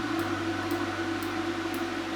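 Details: First Clearlift laser facial treatment on a man to even skin tone, slow firing across the skin in a grid, not painful: soft regular ticks about twice a second over steady machine hum; Clearlift laser firing.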